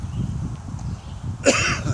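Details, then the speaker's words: 52-year-old man with dry raspberries caught in the back of his throat; a single sharp cough-like throat clearing breaks through low room rumble near the end. "I picked some raspberries and they're in the back of my throat cuz they were very dry"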